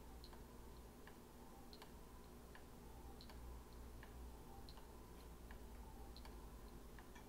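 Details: Aquadex SmartFlow ultrafiltration system in manual mode, returning the patient's blood volume with saline for about one minute: steady low motor hum with regular faint ticking from the blood pump running continuously.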